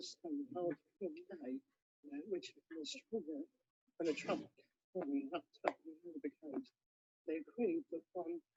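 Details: Clinical example of abductor spasmodic dysphonia, in which the vocal folds burst apart, giving breathy breaks and uncontrolled bursts of air while attempting a fluent sentence: abductor spasmodic dysphonia.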